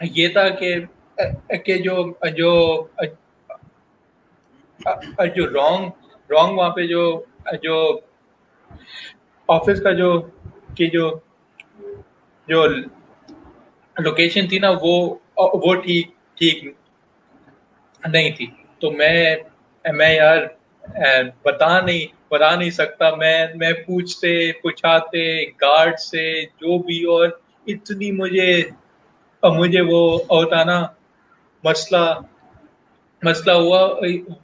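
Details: Adult male professional who stutters, speaking Hindi/Urdu while telling his life and career story; stuttering.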